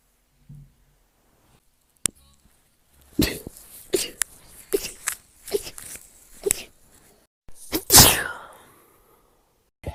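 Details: A rapid run of about five short, sharp sneezes in quick succession, ending in one louder sneeze, with faint background music; from a compilation of one person's rapid sneezes.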